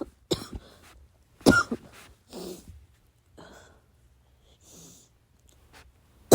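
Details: Coughing fit in the middle of the night, trying not to cough too loud: a few muffled, held-back coughs with quiet breaths between, a suppressed coughing fit.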